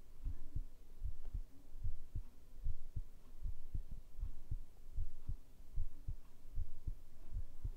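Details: ASMR heartbeat sound recording, possibly with a binaural microphone: regular, low, paired thumps at about 75 beats per minute over a soft hum; a normal, steady heartbeat.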